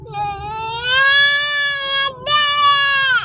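A baby cries in two loud, sustained wails with a brief breath between them.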